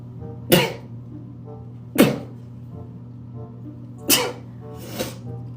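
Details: A girl sneezes four sharp, irregularly spaced times after saying she is about to sneeze, over a steady background hum and music. Sneezing bout.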